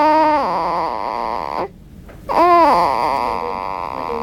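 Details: Newborn boy crying just after vaginal delivery: loud, strong, repeated wails with a brief pause for breath; a vigorous cry immediately after birth.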